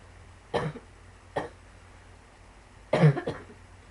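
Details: Chronic cough from pulmonary sarcoidosis, coughing heavily: four short dry coughs in two small groups in a quiet room.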